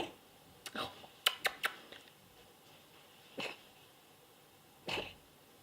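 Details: Cat being tickled: a quick cluster of sharp hissing bursts, then two separate sneezes later, about five small sneezes in total; sneezing.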